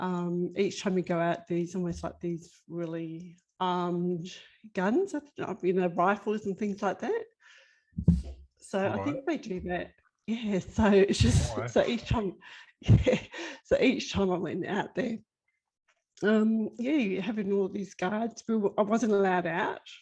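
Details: Broca's aphasia: woman with ongoing global Broca's aphasia after an ischemic left-sided stroke at age 49, about five years earlier, with persisting word-finding problems and word mix-ups.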